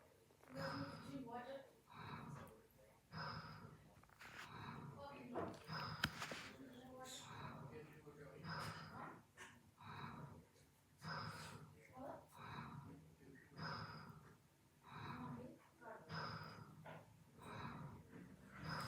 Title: A new snore for endless numbers 90.